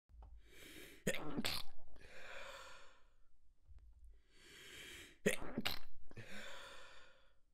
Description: I tried to stifle but the tickle was too strong! I couldn't hold them back~